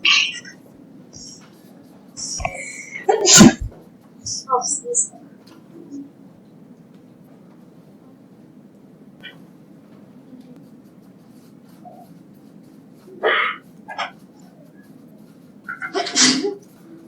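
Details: A female teacher's sneezing fit: several sharp, explosive sneezes in a quiet room, with gasps before some of them.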